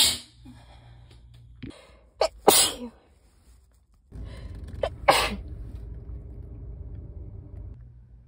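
Two sneezes, each with a quick intake before a sharp burst, over faint room hum; ordinary sneezes.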